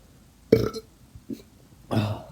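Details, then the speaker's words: Voluntary burping after drinking Coca-Cola: two loud, low, rumbling voiced belches with a short croak between them. "I think they're more separated because there's a lot of liquid in between it so it's like one verb and then some soda or whatever and then another"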